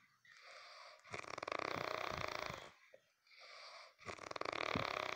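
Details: Snoring: two loud fluttering snores on the in-breath, each followed by a softer whistling out-breath, about one breath cycle every three seconds.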